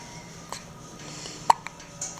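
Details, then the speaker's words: Newborn baby girl about 2 hours 45 minutes old, after her first large feed: a few short, abrupt gulping catches over soft background music; infant hiccups. "oh it's big hiccups"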